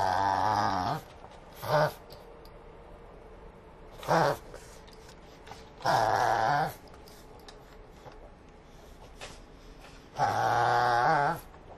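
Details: A pug makes repeated loud honking, snorting inhalations in bursts; reverse sneezing.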